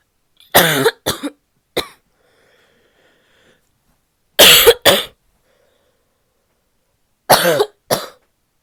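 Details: Female with a barking cough: seven harsh, barky coughs in three short bursts separated by quiet pauses, a coughing fit.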